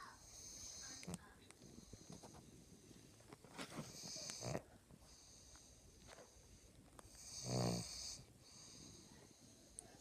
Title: Snoring pug